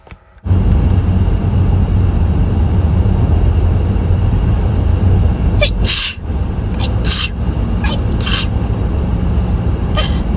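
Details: Adult self-described chronic sneezer with hayfever sneezing all day: a quick series of sharp sneezes over a steady vehicle rumble, repeated allergic sneezing.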